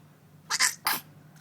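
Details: Infant girl's first sneeze, heard while she is hungry: a tiny, quick, hissing double burst of breath.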